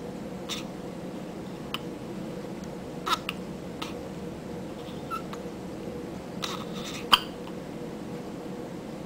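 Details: Infant hiccups: soft, brief, irregular clicking catches about every few seconds over steady room hum.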